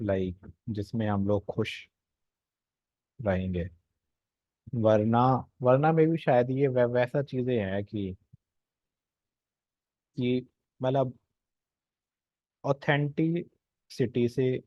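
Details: Adult male speaking Hindi; stuttering.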